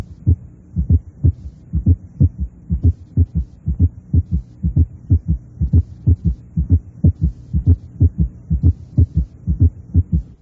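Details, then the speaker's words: Teaching recording of a summation gallop: with a fast heart rate, atrial contraction overlaps the rapid ventricular filling phase, so S3 and S4 fuse into a gallop-like summation sound. "Si la frecuencia cardíaca es rápida y la contracción auricular se superpone a la fase de llenado ventricular rápido, puede originarse un ruido de suma o galope de suma. En este caso, la impresión auscultatoria recuerda a un galope."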